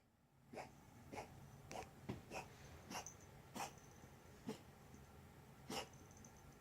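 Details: Dog named MJ coughing, recorded September 9, 2017: rhythmic short, breathy hacking bursts, about nine over six seconds, against steady room noise.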